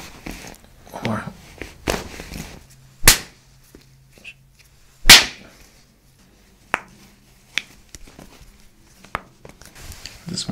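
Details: Chiropractic neck adjustment at the upper neck beneath the atlas in a woman with a suspected pinched nerve and neck tenderness: two sharp cracking pops with softer clicks and quiet room noise, joint cavitation.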